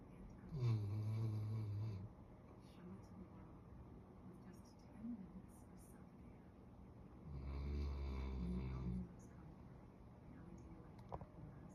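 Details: Sleeping black Labrador retriever snoring: two long, low, buzzing snores several seconds apart with quiet breathing between; the owner likens it to a grown man's snoring.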